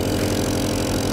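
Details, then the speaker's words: Newborn suction pump switched on while setting suction pressure to -60 to -100 mmHg: steady low motor hum with a faint rhythmic pulse. "so we need to regulate our suction pressure between negative 60 to negative 100 millimeters of mercury so what we do is we switch on the machine"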